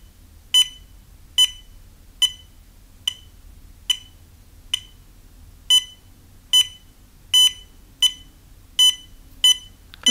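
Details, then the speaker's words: Fingertip OLED pulse oximeter with per-heartbeat beep activated: short high electronic beeps at about 72 a minute, one per pulse, over quiet low room rumble. "Here I have the option to activate the beep for each pulse This one called "beep" It will beep at every heartbeat. Let me activate to show you."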